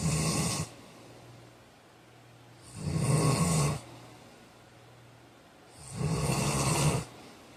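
Loud, rough, rattling snores on each breath in, about 19 a minute, with quiet breathing out between them.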